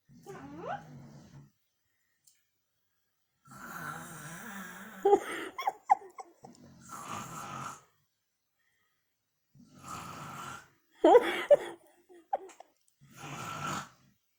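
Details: Mother snoring while her daughter makes fun of her: loud rattling snores about every four to five seconds, with snorting bursts between them in a quiet room.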